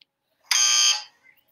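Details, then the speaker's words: X-ray machine exposure sound played from an iPad in a children's science lesson: a single brief, high-pitched buzzing tone of about half a second, like a game-show buzzer. "sounds like a buzzer from a game show seems a little bit deeper see i think that one sounds like a buzzer too that one almost sounds like a high-pitched lawnmower"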